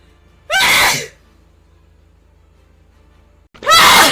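Two loud, explosive sneezes with a sharp intake before each, separated by quiet; ordinary sneezing.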